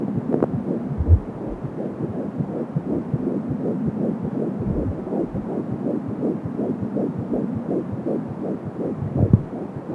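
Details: Fetal heart sounds at 12 weeks of pregnancy heard with an Angel Sound fetal Doppler: fast, regular heartbeat at about 170 beats per minute, with a whooshing umbilical cord sound.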